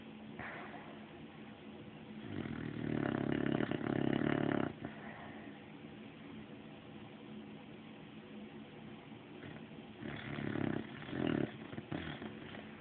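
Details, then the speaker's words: Sleeping 1-year-old female Olde English Bulldogge, described as congested, possibly dreaming: loud, rough, low snores on breathing in, separated by quieter breaths, with room noise; snoring. "There's dreaming and snoring."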